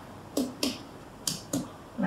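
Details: Sharp paired finger-percussion taps over the lower left chest seeking the lung–stomach border, the note shifting from resonant (sonor) to tympanic.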